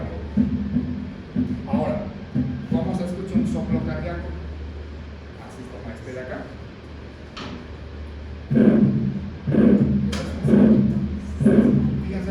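Regular heartbeats at about 60 a minute, each a first sound followed by a harsh mid-systolic murmur and a soft second sound: aortic stenosis murmur.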